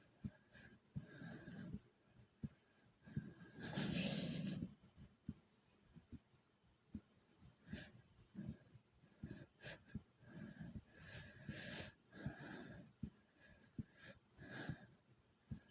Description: after doing 30 jumps in place and i started breathing hard and my heart was beating fast.